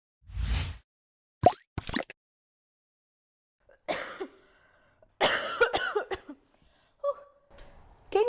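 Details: Child with whooping cough: a series of harsh, separated coughing bursts with a brief high-pitched indrawn whoop near the end; pertussis cough.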